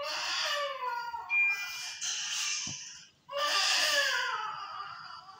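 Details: 22-week extremely preterm, low-birth-weight baby boy, first day in NICU, partly recovered, sepsis mentioned, crying in an incubator during massage and handling: thin, high, wavering cries in two bursts with a brief pause.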